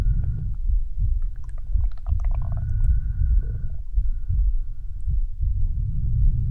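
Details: Midnight stomach growl: low, irregular rumbling with gurgling squeaks and a drawn-out tone, ordinary gut sounds (borborygmi).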